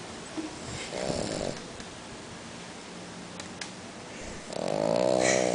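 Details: A sleeping French bulldog snores with rough, snorting breaths in a quiet room, then gives one louder, longer rattling snore.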